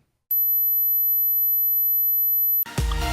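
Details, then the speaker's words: 12,000 Hz pure tone in an online age-based hearing test (claimed audible if under 50): steady, very high-pitched tone lasting about two seconds then cut off. "तो इसके बाद मैं आपको 12000 हर्ट्ज की साउंड सुनाऊंगा।"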